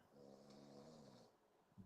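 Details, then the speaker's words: Snoring from a man who fell asleep during a live stream: a single drawn-out, rattling, buzzy snore on a breath in, with soft breath noise after. "done went to sleep on on us, y'all. Man, you hear him snoring?"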